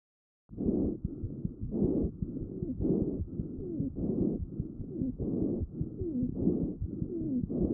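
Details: Lung auscultation recorded with a StethoMe electronic stethoscope, wheezes identified by AI: rapid breathing with continuous whistling, squeaky tones over the breath sounds, wheezes from airway obstruction.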